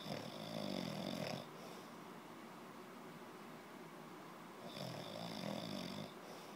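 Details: Person snoring: two long, buzzing, fluttering snores separated by a quiet pause, with steady room hiss underneath.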